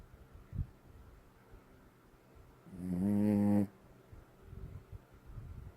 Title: Tips snoring